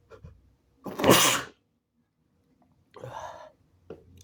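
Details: An induced, very wet sneeze during attempts to hold sneezes back, with coughing and some nasal blood: a catch of breath, then a loud explosive sneeze spraying the hand and a softer breathy follow-up.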